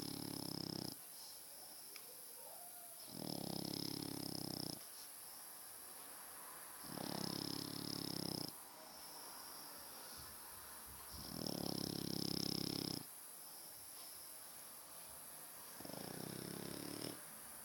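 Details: Loud, regular snoring from a sleeping French bulldog, about five snores in seventeen seconds, each a harsh, noisy inward breath.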